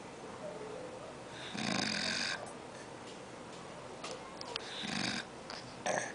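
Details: An old man snoring during sleep: raspy, hissing snores repeating at irregular intervals over steady room noise.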